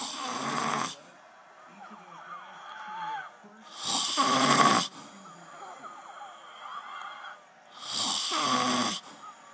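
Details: Man snoring while supposedly watching football: three loud, rasping snores about every four seconds with quieter breathing between them; ordinary snoring.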